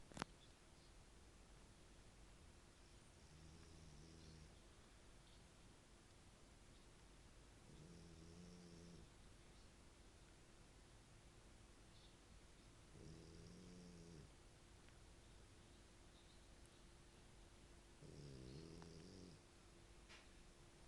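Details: Italian dog Ettore sleeping: quiet, faintly tonal snores about every five seconds, roughly 12 a minute, over steady hum; described as snoring heavily.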